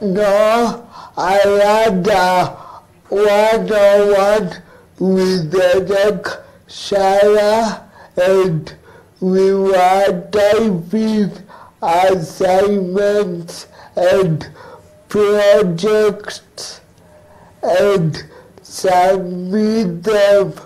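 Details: Dysarthria in an adult male who lives with cerebral palsy, recorded in a remote interview; finding: dysarthria (cerebral palsy).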